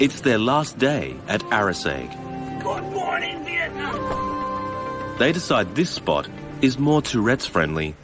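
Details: Adult male narrator; normal adult speech.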